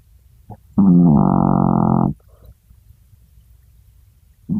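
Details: Chihuahua snoring while asleep, a loud buzzing pitched snore on one in-breath then quiet, the next snore starting as the clip ends; the snoring sounds loud for such a small dog.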